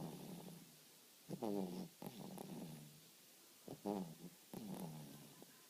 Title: Cooper Snoring.